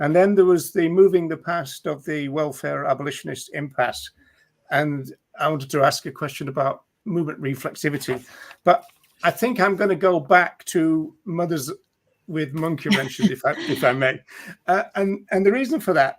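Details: Adult speaker; ordinary speech.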